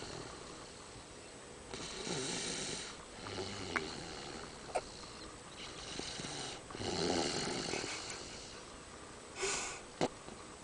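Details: Recorded at night in a car: repeated rough, rattling breaths while asleep, with a few short snorts; snoring.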